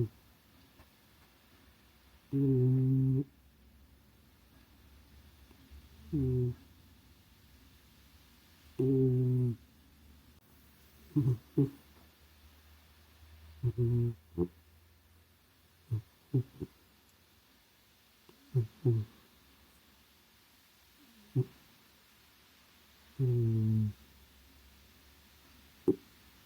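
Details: White cat snoring with low, buzzing, slightly tonal sounds about every two to three seconds.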